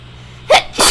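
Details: Pepper-induced double sneeze in a person with bad allergies after moving in with 3 cats: a quiet lead-in, then two sharp, forceful bursts of air through the nose and mouth.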